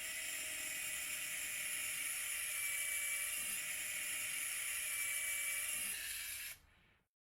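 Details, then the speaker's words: Surgical drill with a 5 mm bit whirring steadily, high-pitched, about six seconds, preparing the posteromedial hole through the tibia, stopping at the talus, for a 7.3 mm cannulated screw in anterior-approach ankle arthrodesis; surgical drill. "the posturomedial hole is prepared with the five millimeter drill bit through the tibia stopping at the tailless"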